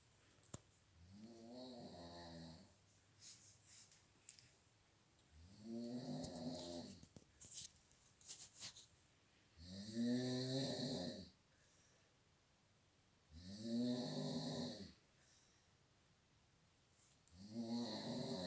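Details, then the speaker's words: Mother snoring in sleep around one o'clock at night: loud, buzzing snores on each breath in, about four in fifteen seconds, with quiet breathing out between; steady heavy snoring. "please help my mum is snoring again it's almost one o'clock oh jesus christ"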